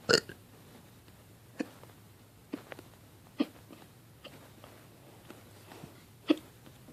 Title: Bad hiccups